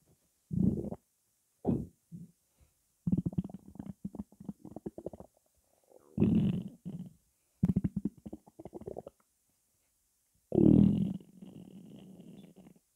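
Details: Bowel sounds after drinking cola: irregular bursts of low bubbling and gurgling from the belly, ordinary stomach rumbling (borborygmi).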